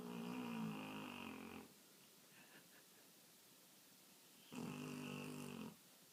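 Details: Sleeping Brownie snoring loudly: two long, rattling snores about three seconds apart with quiet gaps between.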